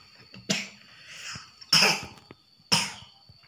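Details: A child has a bout of three sharp, harsh coughs about a second apart in a quiet room while practising Quran recitation; cough.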